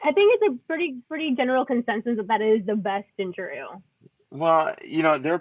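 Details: Adult speaker; Normal voice.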